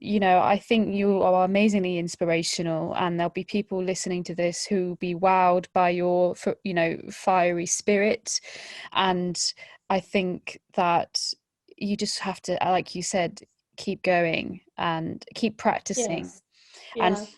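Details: Adult woman speaking; typical speech.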